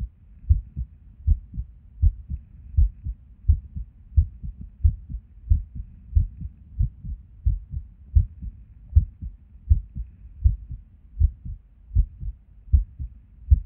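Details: Resting heartbeat recorded while sitting at a desk: low thumps about 80 a minute with uneven spacing and occasional early or dropped beats, an irregular heartbeat with skipped beats.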